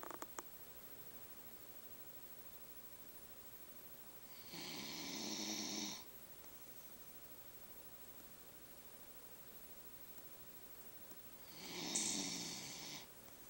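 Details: Two long, raspy snores about six seconds apart, slow breathing around ten breaths a minute, from a sleeping dachshund–miniature pinscher mix dog in a quiet room; snoring.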